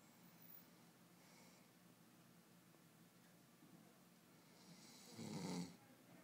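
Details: Quiet low rumbling breathing with one louder rattling snore toward the end, from a sleeping boy; snoring.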